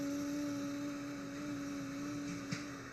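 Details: 38-year-old woman with unilateral vocal fold paralysis, likely post-viral high vagal injury, onset two years earlier after upper respiratory infection; sustained "e" is thin, breathy, high-pitched, lasting only seconds, indicating glottic incompetence; unilateral vocal fold paralysis.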